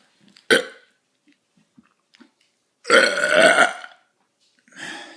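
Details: A short sharp belch, then a long drawn-out burp and a softer third one in a quiet room; ordinary belching.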